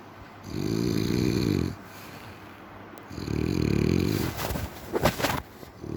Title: Short #Snoring Sound Effect